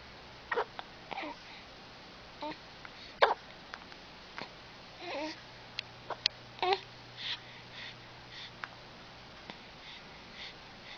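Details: Smiling person with hiccups: small, sharp, repeated hiccup catches at an uneven pace, mixed with soft babbling and sniffs; hiccups.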